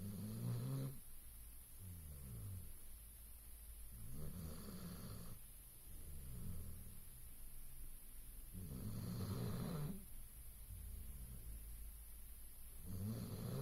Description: Only a dog can be cute when he snores, a bloke would get battered for it lol